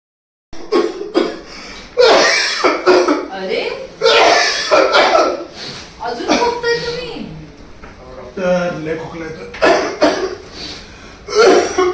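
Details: Persistent cough in an acted scene: repeated harsh cough bursts with some voiced sounds between.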